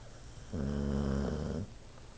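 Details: Sleeping dog snoring: a single drawn-out, low, buzzing snore lasting about a second against quiet room noise.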